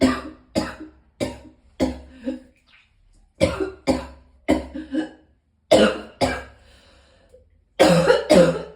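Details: Coughing while in extreme pain, with vomiting: repeated harsh coughs in bursts of two to four, about 14 coughs in nine seconds, with brief pauses between bouts; cough.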